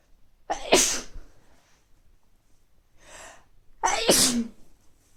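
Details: Adult with recurring mild colds and feeling sneezy, nose not very stuffy: two forceful sneezes with a short breathy sound between, plus nose blowing.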